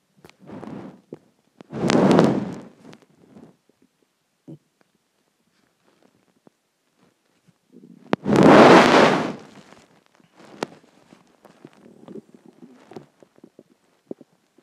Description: A combination of dinner, water, and gas